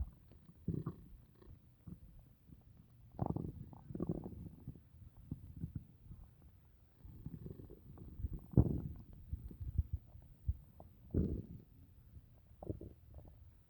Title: stomach noises after dinner